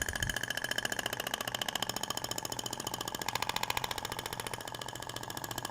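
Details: Thork Ibramed shock wave therapy applicator firing over the abdomen; rapid, steady mechanical clacking at about 210 pulses per minute.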